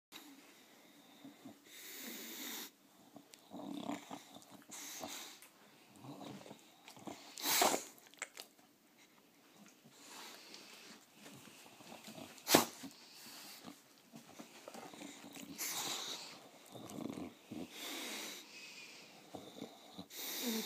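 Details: Bully-breed dog making repeated harsh, snorting pulls of breath in bursts, a reverse sneezing episode; happens on its own but here triggered by jumping up on the owner, who is unsure what is wrong.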